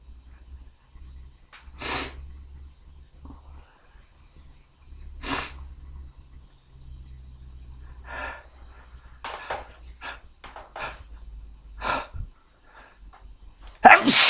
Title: Tickly beer sneezes